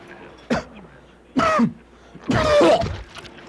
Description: Stop smoking or you may cough up a lung or two